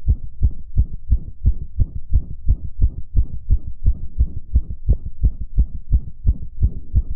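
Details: Male heartbeat recorded shortly after a previous recording, described as fast: steady, even paired lub-dub thumps at roughly 85–90 beats a minute with a faint hum underneath; quickened heartbeat.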